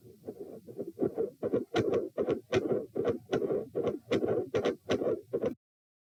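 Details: Heart sounds recorded at position P during provoking manoeuvres (Valsalva, standing then lying, lying on each side), with split S1 and S2: heartbeat near 77 per minute with a loud regurgitant murmur after S2, a quiet spell, then a machinery murmur, with extreme intensity changes.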